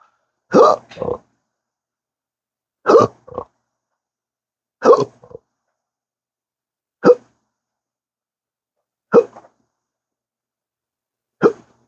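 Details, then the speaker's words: Chronic persistent hiccups, said to worsen when talking, in daily episodes lasting up to 12 hours since December 2015 after surgery with nerve damage: six abrupt voiced catches about every two seconds, some followed by a brief second sound. "I talk and it just goes crazy. Does not like talking."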